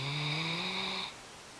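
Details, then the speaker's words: A female Great Dane snoring while wide awake: a single drawn-out, buzzy, snore-like breath lasting about a second. "Are you awake and still snoring? Interesting. Wide awake. Wide awake and still snoring."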